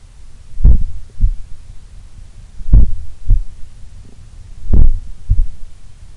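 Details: Deep, regular lub-dub heart sounds at about 30 beats a minute over a low hum, recorded while relaxing at rest in a sun room, reported as the lowest resting heart rate recorded so far; a slow resting heartbeat.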